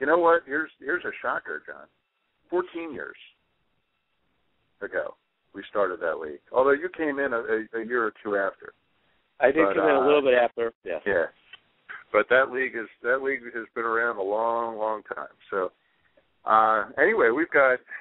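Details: Adult men talking, narrow phone-like audio; normal voice.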